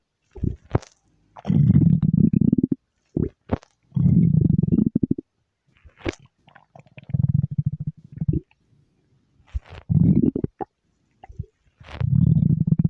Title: stomach growl